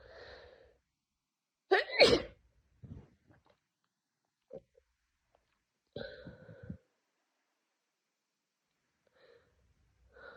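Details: Sharp double sneeze followed by sniffs, short breathy sounds and wet nasal noises on day two of a severe head cold with burning nose and repeated sneezing.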